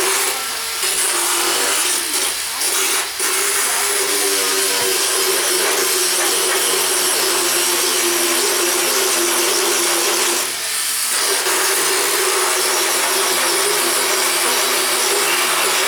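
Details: Continuous grinding, buzzing motor noise with brief pauses: a motorized power float files a horse's teeth during a veterinary equine dental exam; the horse has pretty decent occlusion.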